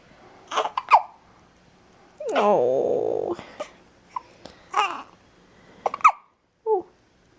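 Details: Male infant, said to be hungry, with hiccups: fussing and babbling broken by several short, sharp catching sounds about a second apart.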